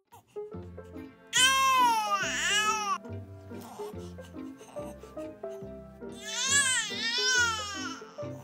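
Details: Cries and babbling from a 3-month-old baby boy, nearly 100 days old, over background music; ordinary infant vocalizing.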